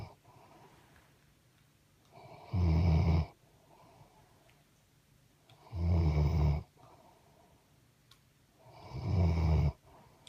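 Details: Loud, deep rattling snores about every three seconds, roughly 18 per minute, with quiet breathing between, from a dog: ordinary dog snoring.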